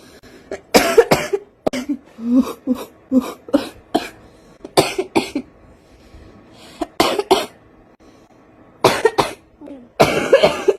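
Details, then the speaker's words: Adult woman smoker, craving a cigarette, coughs in repeated clusters: about fifteen harsh, partly wet coughs in eleven seconds, a smoker's cough. "foreign my lungs are telling me hey do you need a cigarette oh I would kill for a cigarette and coffee right now ouch foreign"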